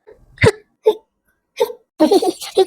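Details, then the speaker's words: Acted hiccups in a Hindi comedy skit: four sharp, abrupt vocal bursts at irregular intervals, the last followed by brief voicing; remedies like cold water are then suggested; hiccups. "आ रही है उसको। लो ठंडा पानी P low और हिचकियां दूर हो जाएंगी।"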